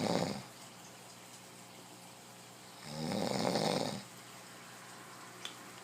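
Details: A man snoring in sleep: two rough, rattling snores a few seconds apart over quiet room noise.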